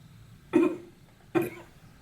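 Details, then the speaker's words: Adult woman subject in a spirometry lab does quiet breathing, then two brief, sharp, forceful voluntary coughs; spirometer shows very high outward flow spikes during each cough; voluntary cough. "all right so now our subject is going to do some quiet breathing and then she is going to cough and just like a conflict just something gotta get out she's breathing oh"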